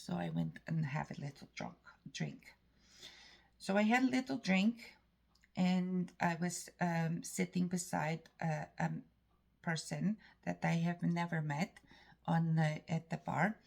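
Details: Woman with self-reported foreign accent syndrome, a native English speaker from Canada who is often mistaken for Polish or Russian; foreign accent syndrome.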